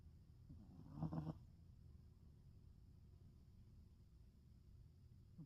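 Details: A black stray cat snoring while asleep.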